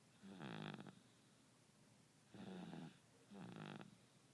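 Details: Close-up recording of a sleeping baby boy, with an alarm in the background: three soft, slightly voiced snoring breaths in quick succession with a faint hum between them; light snoring.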